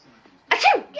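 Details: Adult mother sneezing while her 4-month-old baby laughs: a quick intake, then one loud explosive sneeze with a falling voiced 'achoo'.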